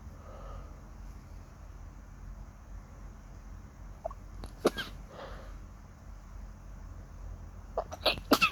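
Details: After waking in the morning with a suddenly itchy nose: a quiet room, then a few sharp, sudden sneezes near the end.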